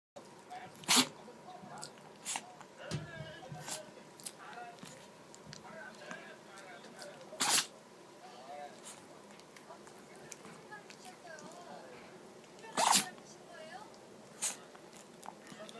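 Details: Chihuahua sneezing nonstop after pressing its nose into the carpet and sniffing, so something fine seems to have got into its nose; repeated sharp sneezes with snuffling and snorting between them; bouts of sneezing.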